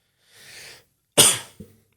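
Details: Persistent post-viral cough in an adult, lingering two months after a cold and interrupting conversation: a soft inhalation, then one sharp, loud cough with a small follow-up cough.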